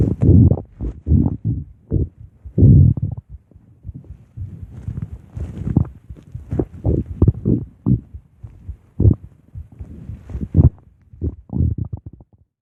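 Deep, gurgling rumbles in irregular bursts over about twelve seconds; ordinary stomach growling from gas and fluid moving through the gut.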